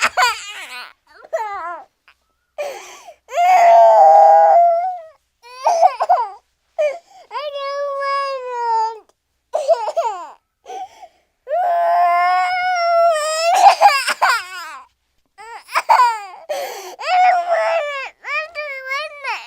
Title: Pinocchio Saban Kashi no Ki Mokku Baby Crying Cartoon Sound Effect